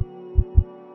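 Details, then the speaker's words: Fetal heartbeat on a home CTG monitor's FHR Doppler sensor: quick, soft low thumps over a steady hum, much faster than the mother's own heartbeat. "نبضات قلب الطفل أسرع بكثير من أي منهما."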